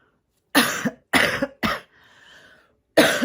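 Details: Adult who reports feeling out of it and wheezing on breathing: four harsh, explosive, wet-sounding coughs, three in quick succession, then a faint breathy pause before a fourth.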